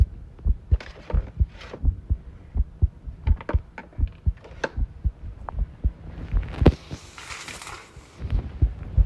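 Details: Self-recorded heartbeat while tidying a room, arrhythmia noted: low heart thumps with uneven spacing between some beats, mixed with handling and clattering noise from tidying; irregular heart rhythm.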